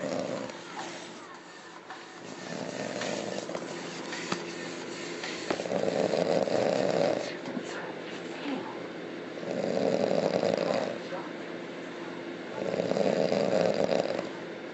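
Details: Hardcore loud snoring: rough, rumbling snores roughly every 3 to 4 seconds, about 17 breaths a minute, over steady background noise.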